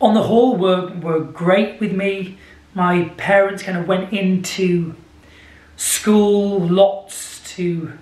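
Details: Adult man with a lifelong stammer present since childhood, described as a speech impediment with blocks, speaking unedited; stuttering (stammer).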